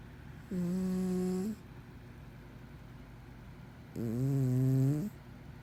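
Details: Two steady, buzzing, almost hummed snores about three seconds apart from a sleeping cat.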